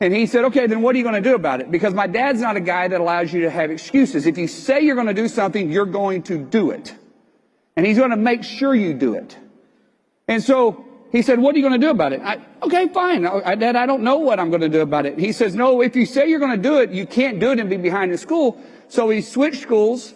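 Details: Adult man with a speech impediment present since childhood and ongoing; he cannot hear words broken into syllables, learned to speak by watching tongue placement, wore leg braces as a child, later treated by speech pathologists. Finding: articulation disorder.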